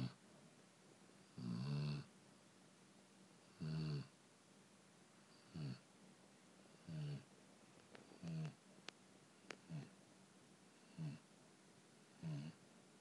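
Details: Senior male chow chow asleep on his dog bed at night, snoring: soft, regular snores, about eight in thirteen seconds, roughly 37 a minute.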